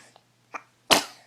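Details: Baby sneezing in the morning, followed by "bless"; sneeze.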